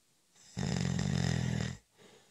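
One loud, low, rattling snore lasting just over a second, with quiet breathing before and after. Ordinary snoring.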